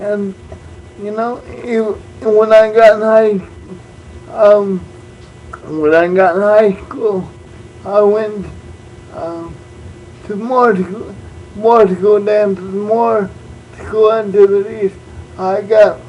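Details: Adult man born prematurely with cerebral palsy, uses a wheelchair, also reports dyslexia and dyscalculia; speech effects not described; dysarthric speech in cerebral palsy.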